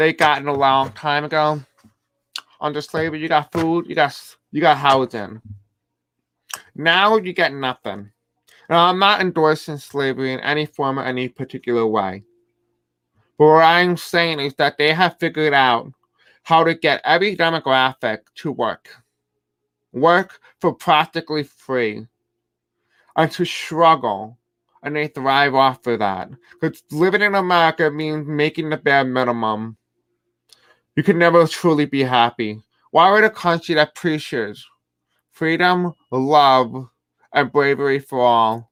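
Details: Male speaker who reports having a deaf accent and difficulty pronouncing certain words: deaf speech.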